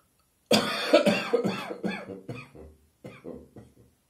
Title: Good Morning, Cough!